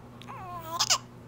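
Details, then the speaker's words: Infant who often gets hiccups: a brief coo rising into a sharp, catchy hiccup-like laugh sound at the end; infant vocalization with hiccup. "you can Talk some more give me a little talking not more hiccups he has gotten hics Every Time he"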